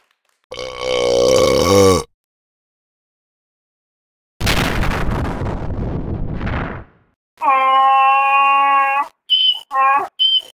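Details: Loud, drawn-out croaking burps separated by a noisy fart blast, then short voiced bursts, from a person acting up and dancing for an audience; belching.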